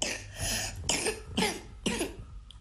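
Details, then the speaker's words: Child's harsh, repetitive cough, four bursts in quick succession, slightly wet with some phlegm, from a virus affecting the vocal cords and airways, common in Istanbul in recent weeks: productive viral laryngotracheitis cough. "Bu son İstanbul'daki, yani şu anda ben İstanbul için söyleyebilirim. Son birkaç haftadan beri en çok gördüğümüz öksürük tiplerinden birisi. Bir virüs var. Sevdiği yer ses telleri ve nefes b"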